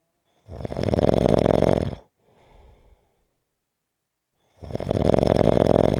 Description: This is a 6 minute clip of snoring.